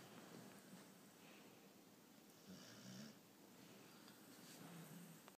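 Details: Sleeping bulldog: soft, low rattling breaths in a quiet room; snoring.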